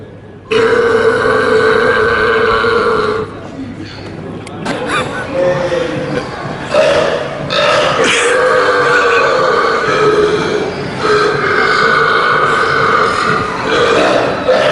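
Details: Extreme deliberate burping in public, from a compilation: long, loud, drawn-out, deep rumbling belches in a row with brief breaks between.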